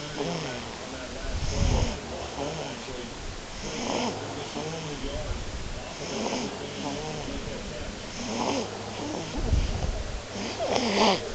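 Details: Ordinary snoring: rhythmic low rattling snores roughly every two to three seconds, with soft snorting breaths between them.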